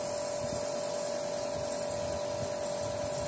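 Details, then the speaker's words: Steady loud mechanical hum with a fixed tone and rapid buzzing from a compressor nebulizer running while a young child receives a nebulizer treatment. "Okay guys so just अभी अगस्त्य को मैंने nebuliser लगाया है"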